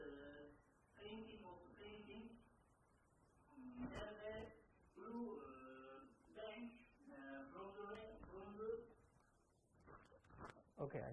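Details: Recording of a man with Wernicke's aphasia who speaks fluently without making sense and is unaware of his errors; Wernicke's aphasia with fluent jargon speech.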